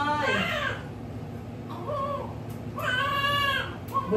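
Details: Shrill, high-pitched newborn cry in bursts with room noise, just after a vaginal birth following a normal pregnancy; the normal vigorous cry of a newborn.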